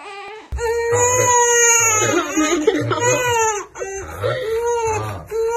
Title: Newborn babies crying. Cute baby lovely moments.